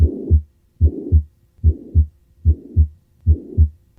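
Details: Tricuspid regurgitation: regular heartbeat near 73 a minute with a soft, steady murmur filling systole.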